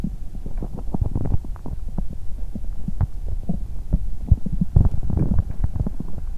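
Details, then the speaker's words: Bowel sounds after exercising on an empty stomach, with nausea and a cramping feeling in the stomach and intestines: continuous low rumbling with rapid bubbling gurgles and loud stomach growling. "Lúc đó mình có cảm giác bụng và ruột như quặn lại 😫! Vì thế mà âm thanh đường tiêu hóa trở nên ồn ào! !!"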